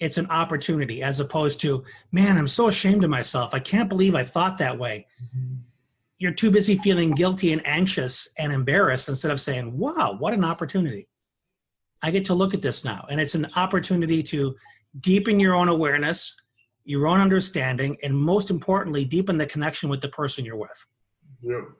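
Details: Adult male speaker; Normal speech.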